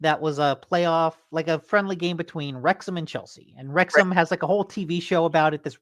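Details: Adult speaker; No voice disorder.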